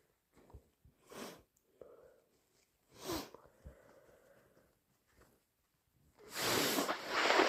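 Two wet sneezes, each with a quick breath in, then a long, thick, congested nose blow, as with a head cold.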